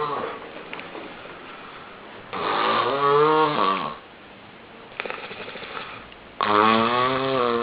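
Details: Snoring in a sleep apnea context: loud rattling snores on each inhalation, about 16 a minute, from soft palate and uvula vibration in a partly narrowed airway; snoring.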